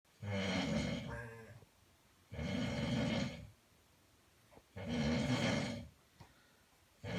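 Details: Person snoring loudly: rough snores with a low rattling tone, about 26 a minute, separated by quiet pauses.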